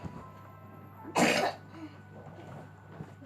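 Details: A single loud cough from a child who has been sick with a cough again, with quiet room noise and faint background music.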